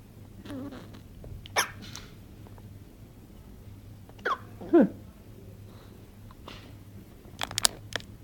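About four or five sharp, irregular gulping catches over eight seconds in a quiet room: hiccups.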